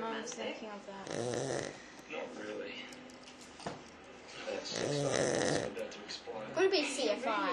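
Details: Loud, rough, fluttering snoring breaths in two long bursts over a few seconds from a sleeping person, with quiet room sound between; snoring.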